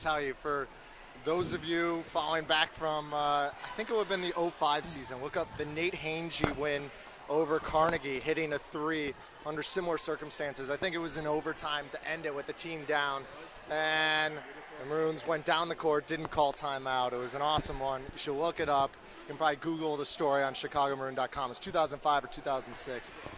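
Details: Adult male speaker; Normal voice.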